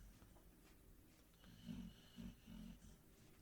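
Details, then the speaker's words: Three faint, low snuffling snores from a sleeping dog in the background, heard against quiet room noise; snoring. "and if you listen closely you might just hear my dog snoring in the background"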